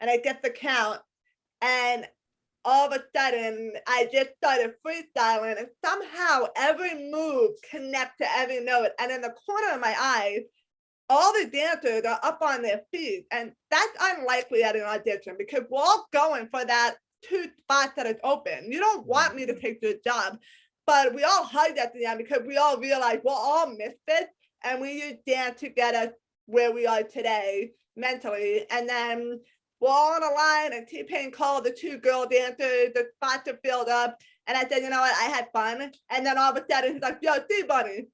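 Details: Adult woman with a lifelong disability and extensive speech therapy; others have told her she sounds hearing impaired. Speech impediment.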